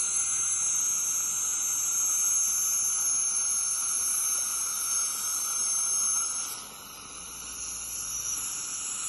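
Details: Steady high-pitched hiss and whine of an ultrasonic scaler with water spray, easing off near the end, during deep dental scaling; dental scaler in use.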